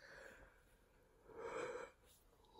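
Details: Dry cough in a person who has been coughing for 4 weeks and has lost about 4.9 kg while dieting; dry cough.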